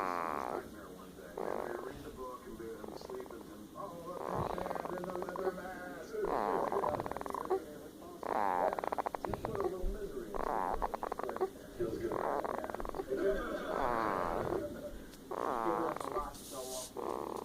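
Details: Person snoring during sleep: rhythmic rattling, buzzy, throaty snores with each breath in, about every two seconds, with a steady breathing rhythm.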